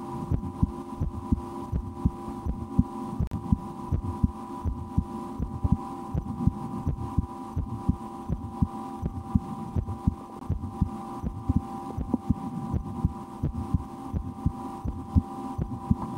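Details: Own heartbeat recorded through a stethoscope for relaxation, at times holding breath or playing a game to raise the rate, after a restaurant lunch; soft low thumps roughly 80 a minute under steady hum and rustling; normal heart sounds.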